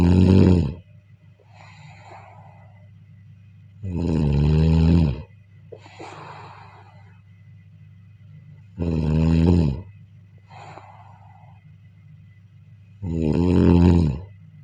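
Loud, deep vibrating snores on each in-breath, about 13 a minute, with softer breathy out-breaths and steady low room hum.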